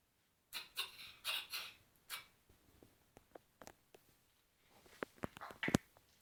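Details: A dog's coughing fit: a burst of several short, harsh, breathy expulsions followed by quieter snorts and clicks; cough.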